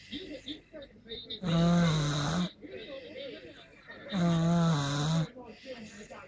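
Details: Snoring: loud, buzzing snores about every three seconds, each about one second long, with softer breathing noises between them.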